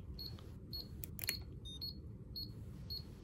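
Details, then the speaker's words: Irregular high beeps and chirps over low room hum from two apex locators, a Morita Root ZX II and a Sybron Apex ID, connected at the same time and interfering with each other during a working-length comparison. "and if you really want to get crazy and put two apex locators on at the same time the two happens they go into like defibrillation oh it's a little crazier"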